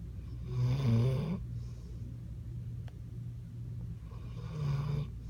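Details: Low, buzzing snores with each breath, two cycles about four seconds apart, over a steady low hum; ordinary snoring.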